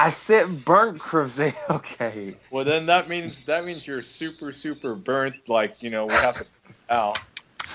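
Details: Adult male speaker; normal speech.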